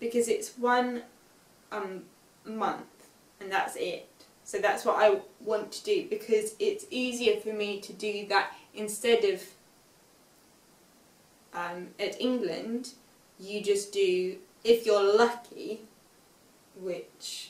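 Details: Aphasia with reading difficulty in a young woman, 5 years after a stroke at age 18, reading an unseen text aloud with word errors and self-corrections.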